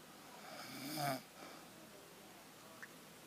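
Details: An elderly woman (grandmother) snoring: a single rough, rattling snore on a breath in, then quiet breathing; ordinary snoring.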